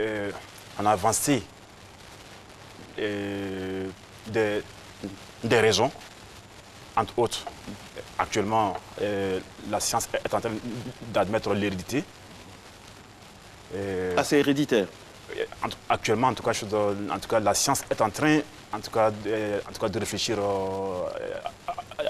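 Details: Adult man with stuttering who has had speech re-education: stuttering.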